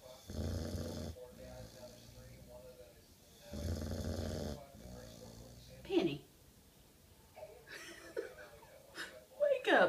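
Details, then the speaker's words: Boxer mix dog asleep, snoring as loud as a man: two long, loud, low rumbling snores, followed by the owner talking in the background. "stop all that snoring crazy dog"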